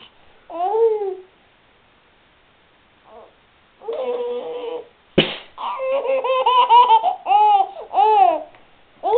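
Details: A single sharp, explosive sneeze, then an infant answers with bursts of giggling and belly laughter; earlier infant vocal sounds; baby laughing at a sneeze.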